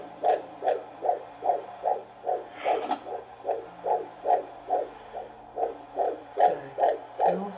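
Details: First-trimester fetal heartbeat on Doppler at a prenatal appointment: steady, rapid galloping whooshes about 146 a minute; a single fetal heartbeat within the stated normal range of 110–160.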